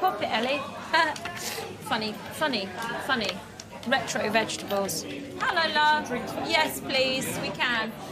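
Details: Involuntary vocal tics with repeated and out-of-context words in an adult woman with Tourette syndrome, described as an inherited neurological disorder that runs in her family.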